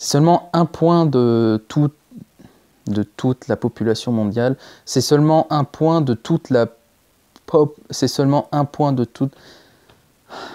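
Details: Stuttering in a French-speaking male, since early childhood, previously treated but recently returned strongly; blocks and repetitions, with repeated attempts at the same phrase.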